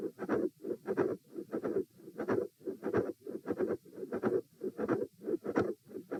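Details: Repeat auscultation stress test at position E, lying then sitting, standing and lying again, heart rate 84-96-114-78 bpm; midsystolic click with murmur and fixed split S2.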